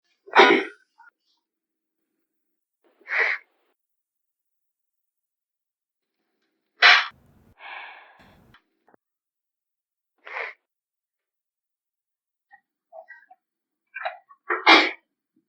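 Five or six loud explosive sneezes in a quiet room, spaced a few seconds apart; a sneezing fit.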